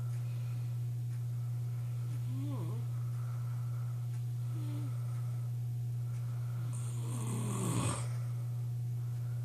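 Loud, rough snoring from a sleeping adult, with a steady low hum in the room.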